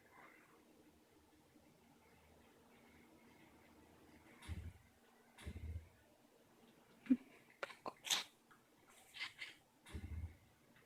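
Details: Cat with a cold sneezing: several short, sharp bursts of air about a second apart in a quiet room.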